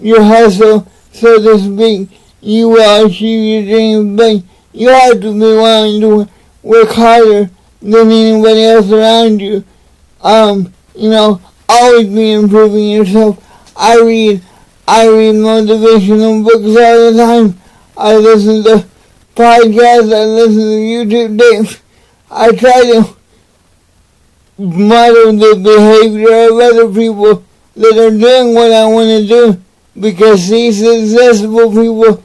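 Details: Dysarthria in an adult man with cerebral palsy, speaking to camera in a motivational talk.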